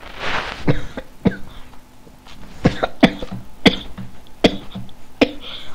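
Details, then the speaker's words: A run of about eight sharp, dry coughs in bursts over several seconds from a person recording a Minecraft gameplay commentary, who apologizes for the audible cough. "Jestli slyšíte moc ten kašel, tak fakt se moc omlouvám, fakt moc."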